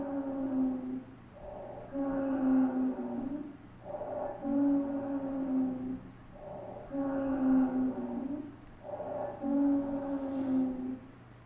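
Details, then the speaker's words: Musical, whistling wheezes recurring with each breath, about 12 breaths a minute, from airway narrowing in the bronchial tree. "show turma esse é o sibilo nosso próximo vai ser o estridor"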